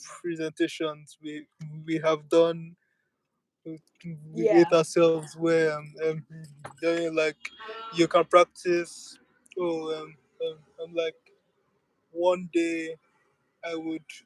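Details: Stuttering in a speaker who accepts and lives with the stammer rather than using avoidance strategies.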